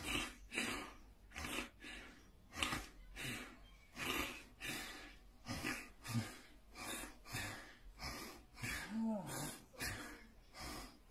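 Repeated loud snorting, gasping breaths with gurgling, the laboured noisy breathing of a seizure.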